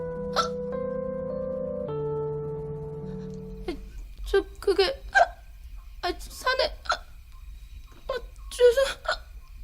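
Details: Acted hiccups by an actress in TV drama scenes, not real: brief, abrupt hiccup sounds recurring every second or so, with soft background music.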